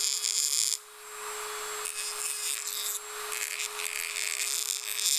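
High-pitched whirring of a dental drill in bursts, with a steady tone underneath and pauses between passes.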